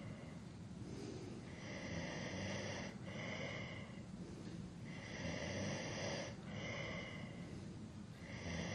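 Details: Adult male snoring during sleep, from a long sleep-aid recording: rough, rattling snores on each breath, about 19 a minute, somewhat uneven, over a steady hiss.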